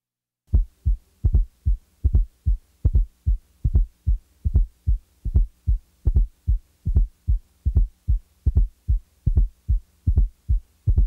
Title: 12. Fourth Heart Sound, S4 - Heart Sounds Collection